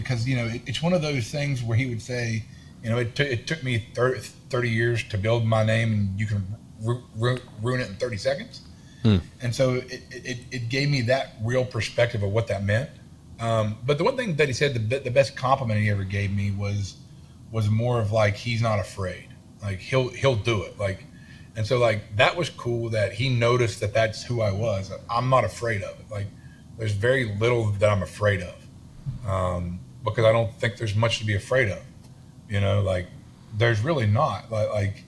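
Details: Adult man with a self-reported lifelong stutter and lisp, in speech therapy his whole life; stuttering.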